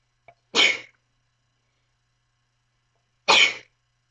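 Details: Two sharp, explosive sneezes about three seconds apart in a quiet room; sneezing compilation clip.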